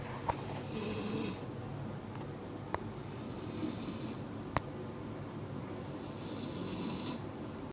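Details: Snoring: soft, raspy snores over quiet room noise, with a few faint clicks; ordinary snoring.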